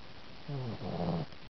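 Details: Sleeping pet cat recorded in the dark at night: a single low, rumbling snore lasting under a second; snoring.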